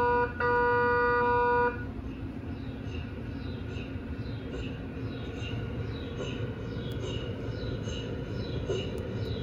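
A steady beeping tone stops, then a low rumble with fast, regular soft knocking at about 158 a minute: an MRI scanner running a sequence.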